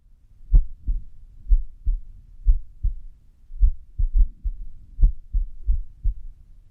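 Low heartbeat thumps at roughly 60 a minute with uneven gaps, including an early beat, giving an irregular rhythm: arrhythmia.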